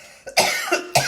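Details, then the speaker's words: Adult cough: two short, sharp, harsh cough bursts close together, plain and dry-sounding, from someone who says they are coughing too much today while recording a reaction video. "so i'm coughing too much today"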